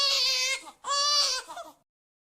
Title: Cute Oggy Crying Baby! Sound Effects Cartoon Cries of a Baby